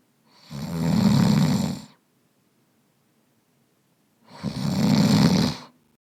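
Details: Sound effect of a man snoring while asleep: two loud, rough, rattling inspiratory snores about four seconds apart, with silence between.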